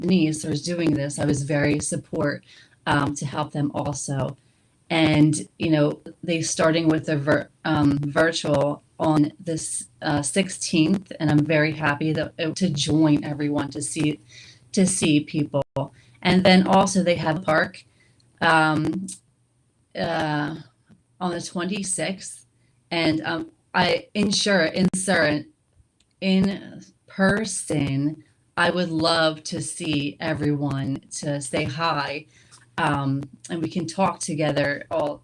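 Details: Post-stroke aphasia in a woman after left-hemisphere ischemic and hemorrhagic stroke in May 2016 with craniotomy, right-side weakness, low vision and a seizure; initially global aphasia; speech shows word errors.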